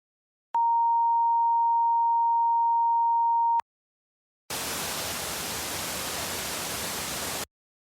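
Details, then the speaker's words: Simulated tinnitus: a steady high pure tone, then a hiss of static, imitating ringing and rushing sounds that others cannot hear. "Tinnitus is when you hear sounds that others do not. These sounds are, in a way, invented by our brains and come in an infinite variety."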